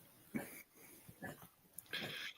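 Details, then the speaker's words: Dog coughing; the owner thinks she caught kennel cough at the vet's this weekend, or possibly a cold, and is unsure. About three short, harsh, honking coughs with brief pauses between them. "No, she got kennel cough, I think, from the vets. Or a cold. I don't know."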